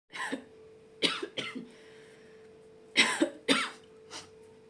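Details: Imitated cough, acted for comedy by a girl playing cards: about seven short, dry coughs in small clusters over a steady background hum.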